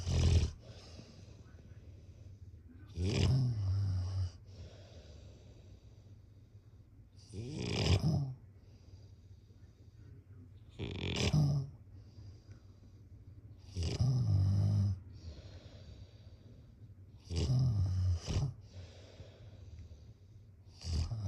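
Steady, low rattling snores recur about every three seconds, roughly 18 breaths a minute, typical of sleep snoring.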